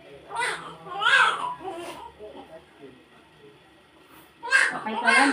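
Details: Baby girl just after a normal vaginal birth, reported as all green: short, vigorous newborn cries in bursts with pauses over room noise and adult voices, a strong normal cry.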